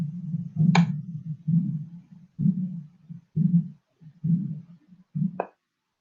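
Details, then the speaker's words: Aortic regurgitation diastolic murmur from valve insufficiency, with blood returning to the left ventricle: low heart sounds near 65 a minute, each followed by a soft blowing murmur after the second sound (S2). "blood will return back to the left ventricle so the Sun is going to be heard after the S2 sound"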